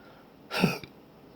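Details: One abrupt, brief voiced catch with a sharp click; single hiccup in persistent intractable hiccups since December 2015, about every 3 seconds (20 per minute), with breathing and choking spasms; cause undiagnosed.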